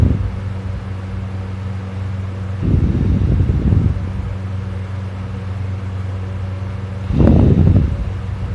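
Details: Young student snoring loudly in sleep after staying up late studying; two loud, rough, rattling inspiratory snores several seconds apart over fan hum; snored all night, throat sore afterward.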